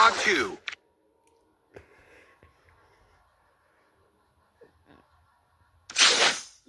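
Two loud, sharp, noisy bursts, one at the start and one near the end, with quiet room sounds between: sneezes.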